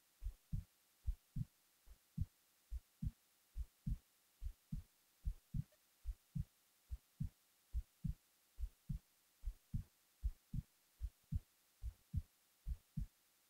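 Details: Heartbeat recorded while the person was falling asleep: steady paired low thumps at about 70 beats a minute, quiet background; ordinary resting heartbeat.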